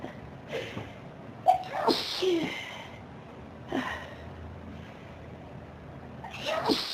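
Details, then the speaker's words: Intense sneezing fit with the need to blow the nose: several sharp sneezes in close succession with breathy intakes between them. "Oh, wow. This is a big sneezing fit."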